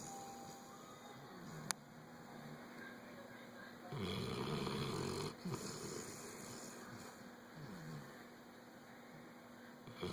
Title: SLEEPING AND SNORING